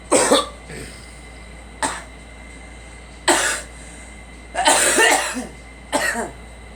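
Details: Five or six short, harsh, dry coughs, some in quick pairs, from a girl in a vehicle with a low engine hum; someone nearby says a cold is hitting hard.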